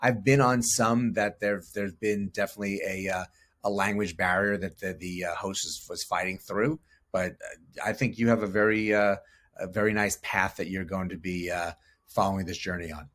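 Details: Adult male speaker; normal speech.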